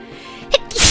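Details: Single sneeze during a live stream: a brief intake and then one loud explosive burst, with music in the background.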